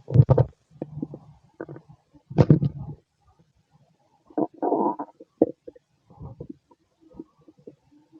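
Irregular low gurgling and rumbling bursts from the abdomen; ordinary stomach growling from gas and fluid moving through the gut.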